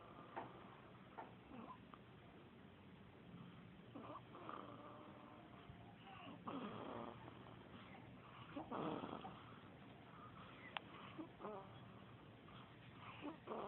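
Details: Sleeping cat recorded by phone: soft, irregular snuffly snores and small wheezy breath noises with room noise; snoring.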